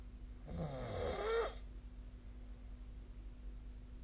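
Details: Sleeping adult snoring, recorded with the SnoreLab snoring app on a phone: a single rough, rattling snore of about one second, then quiet breathing with low room hum.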